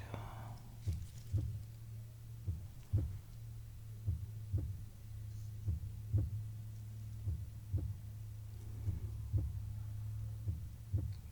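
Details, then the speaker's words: Simulated heartbeat in an ASMR bedside-care role-play: soft, regular low thumps at about 76 beats a minute under a steady hum, as the nurse checks the heartbeat. "Let me just quickly check your heartbeat again, just to make sure everything is as it's supposed to."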